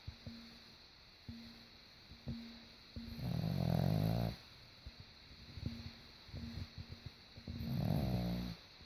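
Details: Dog asleep snoring: two long, low, rattling snores about four seconds apart over steady room hum, with soft clicks between; dog snoring.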